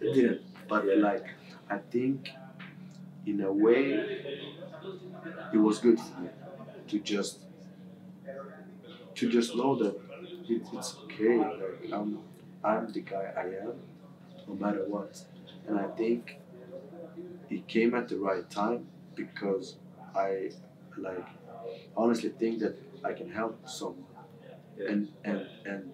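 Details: Adult male footballer who has stammered since about age six; English a second language; stammer varies day to day; stammering.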